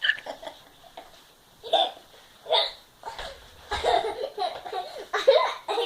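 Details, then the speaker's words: Hiccups after laughing very hard: laughter broken by several brief, abrupt voiced catches. "Because you were laughing so hiccup. Because He is laughing so hiccup. because I've been laughing so hard."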